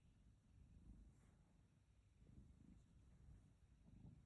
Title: Nosy Junior. Sound up to hear cat snores.#catsnoring #catshorts